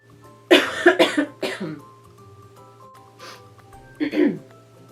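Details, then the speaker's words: Cough from a person who has been sick and coughing for about three weeks, with voice dropping out when singing. "I got really sick. I've been coughing for like 3 weeks."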